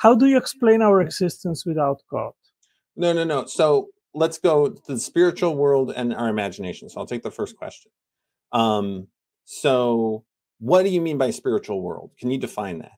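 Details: Adult male speakers in conversation; ordinary speech.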